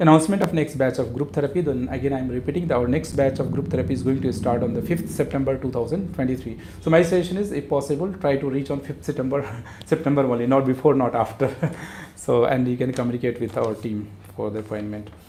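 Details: Adult man speaking; normal speech.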